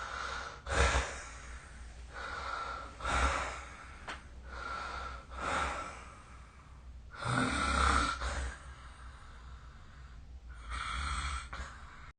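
Rough, rattling breathing sounds repeat in a steady rhythm during sleep: ordinary snoring.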